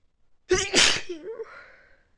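A single sharp, partly held-back sneeze, then a short breathy trailing sound: one stifled sneeze from an allergy sneezing fit.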